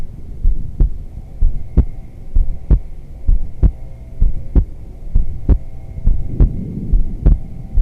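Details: Woman's heartbeat recorded on a sensitive microphone during restorative yoga, in shavasana: steady, low thumping at about 65 beats a minute under a faint hum, possibly outdoor yard machinery. Normal heart rhythm.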